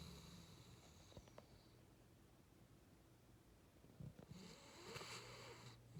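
Soft snorting snores and snuffles from a sleeping dog, in a quiet room; ordinary snoring.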